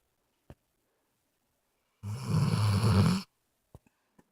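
A single loud, low, rattling snore lasting about a second in a quiet room, with a few faint clicks around it; snoring.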